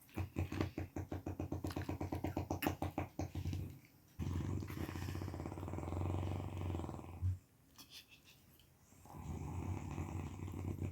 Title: aisi kharrate kabhi suni hein? 🤣🤣 #snoring #shorts #viral #ytshorts